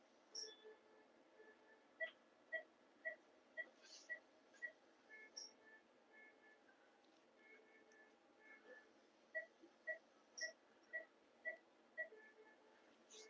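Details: 6-year-old female Labrador with diabetic cataract undergoing phacoemulsification cataract surgery: quiet, regular electronic beeps, about two a second, in runs over low room hum, from the phaco machine.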